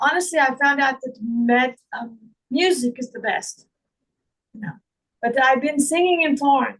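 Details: Adult woman with foreign accent syndrome who also reports difficulty remembering words, reading and saying long words.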